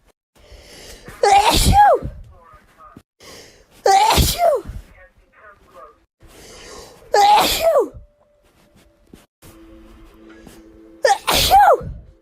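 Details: Four loud wet sneezes, each with a rising voiced lead-in and explosive burst, separated by pauses; repeated sneezing.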